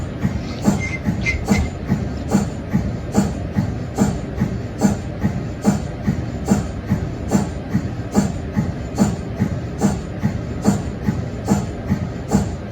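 Steady rhythmic mechanical chuffing, about 72 pulses a minute: the cold head pump of an MRI scanner, a normal running sound.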